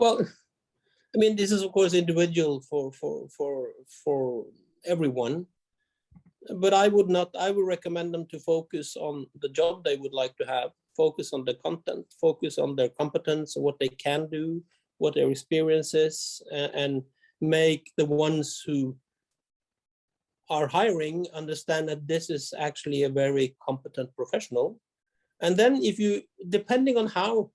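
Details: Stuttering in an adult man with a severe teenage stutter and many blocks, treated with 2–3 years of speech therapy; small blocks persist under pressure.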